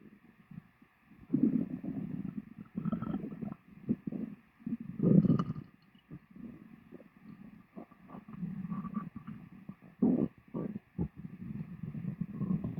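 Irregular low gurgling and rumbling bursts come and go, typical of stomach growling after a meal; ordinary bowel sounds.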